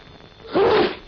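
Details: Acted sneeze into a handkerchief from a 1948 British Health Ministry public health film: a single brief, muffled burst of air with a short voiced note over old-recording hiss.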